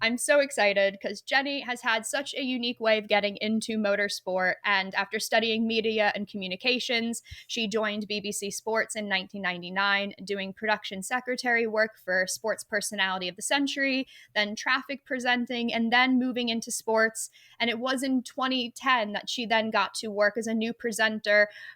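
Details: Adult woman speaking; typical speech.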